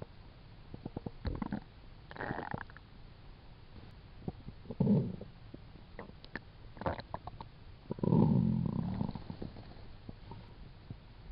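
Low gurgling rumbles and bubbling pops from the belly, coming in irregular bursts; ordinary stomach growling from gas and fluid moving through the gut.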